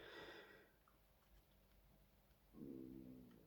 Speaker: my stomach is rumbling i don't know can you guys hear that wow that was a big one weird